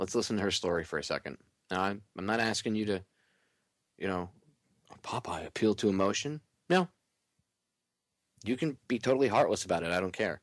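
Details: Adult man; normal speech.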